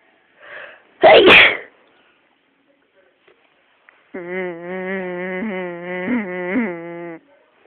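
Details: Sneeze induced with a humming trick: quick intake of breath, one sharp explosive sneeze, then a drawn-out voiced sound; single induced sneeze.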